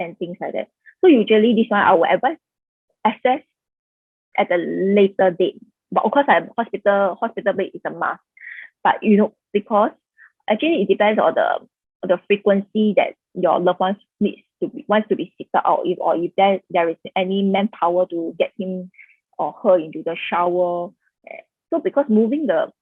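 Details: Adult woman, presenter; Typical speech.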